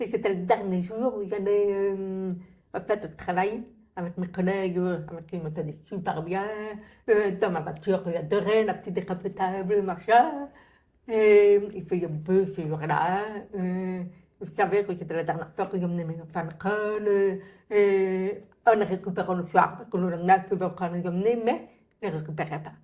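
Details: Adult French-speaking woman, profoundly deaf from birth, who relies on lip-reading and had thousands of hours of speech therapy; she says people only began to understand her speech at age 12; deaf speech.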